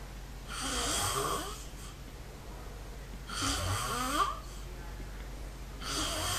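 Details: Loud, rough rattling breaths about every three seconds over a low steady hum, described as animal-like snoring; heavy snoring.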